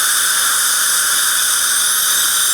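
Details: Bite adjustment of a porcelain restoration's marginal ridge with a diamond bur and water spray: steady high-pitched hissing whine of a high-speed dental drill.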